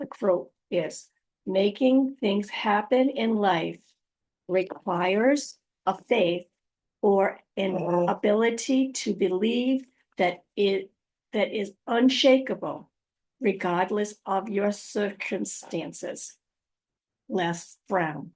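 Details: Adult woman after a stroke, recorded unedited on a good day, usually in the morning before fatigue; aphasia with apraxia of speech and dysarthria.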